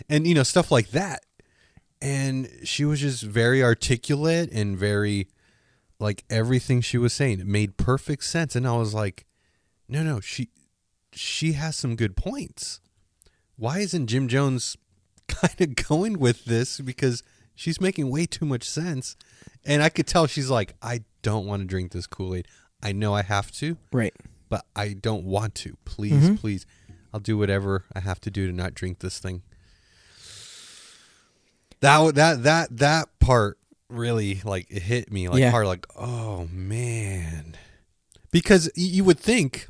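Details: Stuttering in an adult male podcast co-host whose stutter comes out more in awkward situations, sometimes even when confident; unscripted conversation.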